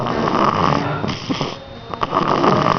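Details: Baby boy, about 3 months old, snoring: loud, rough, rattling noise that rises and falls with each breath, with room noise.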